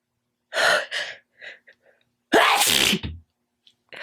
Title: Loud wet sneezes 2